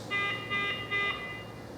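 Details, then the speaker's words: iX5 mechanical ventilator in a training demonstration, about a minute into ventilation, before alarm limits were fine-tuned: three repeated high electronic alarm tones with a steady device hum. "Ele Está apresentando alguns alarmes ISO porque não foi feito aquele ajuste Fino que eu havia comentado"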